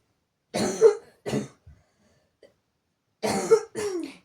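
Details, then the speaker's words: Child's cough in two short clusters of loud, harsh, deep honking coughs, about four in all, described by family as coughing like an elephant or a tractor. "тут кстати всё время говорю когда кашляет что она кашляет как слон это трактор"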